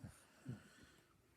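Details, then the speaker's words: An 18-week-old French Bulldog puppy snoring while asleep: a few short, low, snorting breath noises in a quiet room; flat-faced dog snoring. "so if you ever think they're getting a Frenchie couple of things they snore terrible and they pump trump Farms awful"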